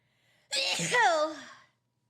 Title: Sneezing Attack